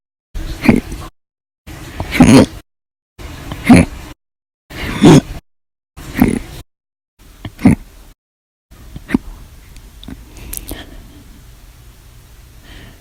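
Six short, sharp, voiced gulping bursts spaced about every one and a half seconds, then quieter faint catches: repeated hiccups.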